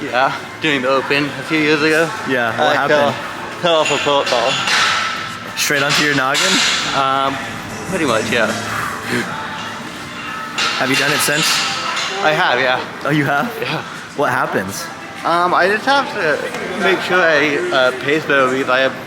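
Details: Adult male adaptive athlete with cerebral palsy from brain damage after lack of oxygen at birth when his heart stopped; speech is among his biggest challenges alongside balance and coordination; dysarthria.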